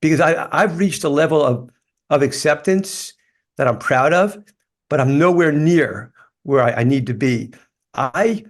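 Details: Life-long stuttering in an adult man, which he describes as a neurological condition that gets tougher when he is tired.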